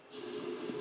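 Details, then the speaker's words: Simulation of music as heard through a cochlear implant: a brief, buzzy, flattened fragment, march-like, with the melody largely lost. "Nou, ik ga nu een fragment laten horen van muziek dat bewerkt is door een cochleair implantaat."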